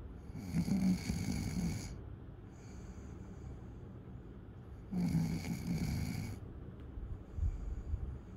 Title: Night Snoring Sound